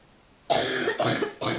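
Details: Young woman sitting on a bed on a phone call, under the weather and worse at night lying down: after a quiet start, three harsh, rough chesty cough bursts in quick succession, part of a coughing fit.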